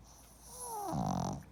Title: Pug Sleeping and Snoring Loudly